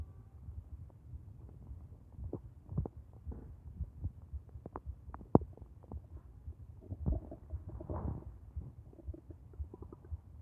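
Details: Stomach growling (borborygmi), audio only: low gurgling and rumbling bowel sounds with brief pops and squeaks.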